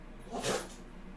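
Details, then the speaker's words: Dog with a cold who has sneeze fits now and again: a single short, forceful nasal burst over quiet room noise: sneezing. "that is my dog sneezing he's [ __ ] he's got a cold every now and again he has a real sneeze fit anyway"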